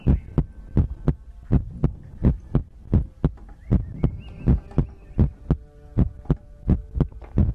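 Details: ASMR heartbeat recording from a sleep compilation: steady low thumping heartbeat at about 85 beats a minute over a faint continuous hum.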